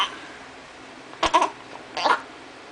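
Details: Hiccuping: two abrupt, brief voiced gulping catches under a second apart in a quiet room; hiccups.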